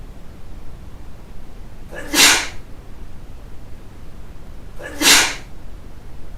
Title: Why Not Sneeze?